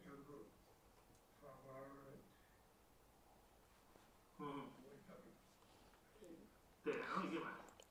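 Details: Patient with Broca's aphasia describing the cookie theft picture, with disorganized, hard-to-understand speech despite naming picture elements; Broca's (non-fluent) aphasia.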